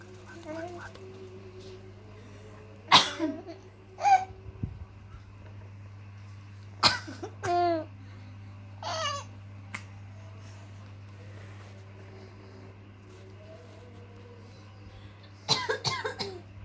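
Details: A few short coughs from someone near a sleeping baby at 4:30, with the infant's soft giggles in between while still asleep; coughing.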